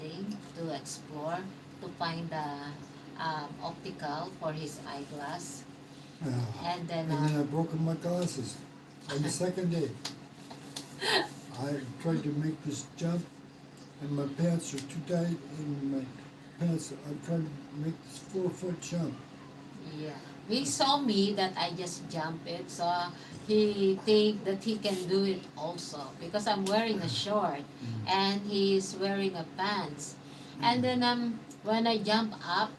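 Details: Man, 115 days into self-therapy for mild aphasia after a mild stroke; hesitations and sentence restarts; mild aphasia after stroke.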